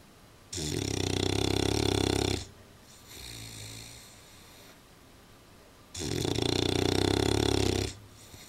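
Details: Old English Bulldog sleeping in a small dog basket: two loud, harsh, rattling snores on each in-breath with softer out-breaths, roughly 11 breaths a minute; snoring.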